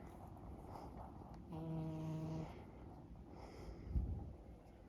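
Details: Female cat deeply asleep outdoors on a blanket after being petted: a single low, buzzing snore with a steady tone, then quiet breathing.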